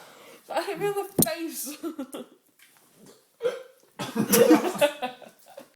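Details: Man with persistent hiccups while drunk after a heavy night: speech broken by a sudden sharp catch in the voice amid laughter and talk; hiccups.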